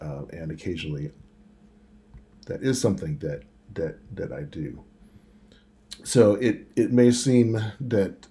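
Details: Man who stutters, now mostly fluent after speech therapy but still sometimes blocks; audible word repetitions; stuttering.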